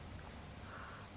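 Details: A nebulizer compressor running for a child with a cough who asked for the steam treatment: steady low hum and hiss, with no voices in this moment.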